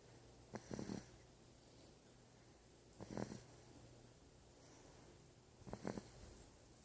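Short snorting snores at irregular intervals, roughly 20 a minute, over faint room noise; light snoring.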